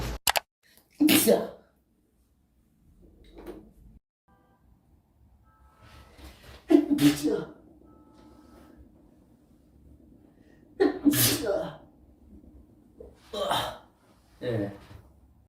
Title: SNEEZING COMPILATION”